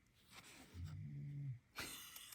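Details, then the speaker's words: Sleeping dog snoring after a big day: a low, fluttering rumble on one breath, an ordinary sleep snore. "that's him snoring he had a big day at Grandma's"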